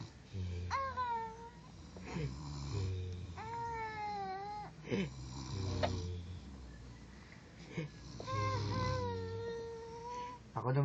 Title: Baby talking to snoring grandpa